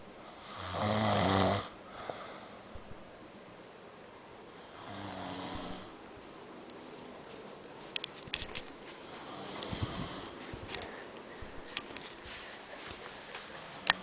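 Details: One loud rattling snore, then a softer one, over steady room noise from an adult man (a father) snoring during sleep; snoring.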